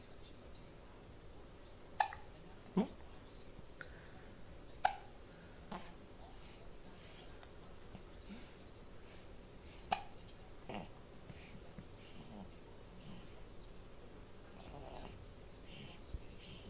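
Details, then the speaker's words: Faint, brief, sharp catches at irregular intervals in a quiet, noisy room, a recurring bout of hiccups ("hiccups again"); hiccups. "You got the hiccups again."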